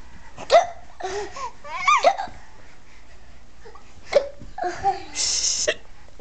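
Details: Someone imitating hiccups to make a 5-month-old baby laugh: four sharp, abrupt vocal bursts mixed with laughter; imitated hiccups, not genuine ones.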